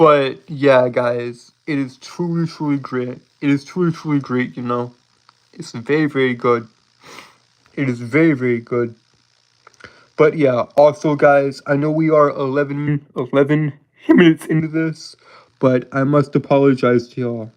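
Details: Lifelong stuttering present since birth in an adult male, self-described as holding syllables rather than repeating sounds; real, not acted.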